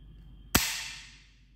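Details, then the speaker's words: Disposable 16-gauge, 16 cm core biopsy gun for ultrasound-guided lung biopsy fired in demonstration: a single sharp spring-loaded snap with a short metallic ring as the inner needle, then the outer, shoot out about 2.2 cm. "once we are pressing this lever this or this the lever will release and needle will come out see I'll press this button"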